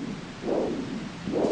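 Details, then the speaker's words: Monophasic arterial Doppler signal in a patient with arterial disease and stenosis, recorded at the foot with a Huntleigh Dopplex DFK handheld probe facing the heart on generous coupling gel: two soft, blunted single whooshes, unlike the normal multiphasic foot signal. "if a patient has some degree of arterial stenosis then the Doppler signal is monophasic can you hear how different this is to the signal we've just heard in the normal foot"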